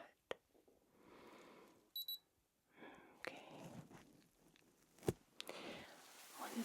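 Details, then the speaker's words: Simulated ASMR doctor-exam roleplay: two quick high electronic beeps from an ear thermometer placed in the left ear, amid soft handling sounds; the reading is 36.9 °C, normal temperature; digital thermometer beep. "i'm just going to pop that in okay you'll hear a few little peeps just relax there all right"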